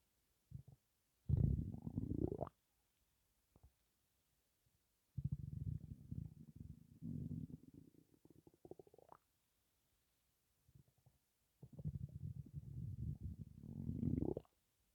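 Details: Stomach rumbling with breathing in and out, empty stomach with only gas and air, possibly hunger: low gurgling, grumbling bowel sounds in bursts with quiet gaps.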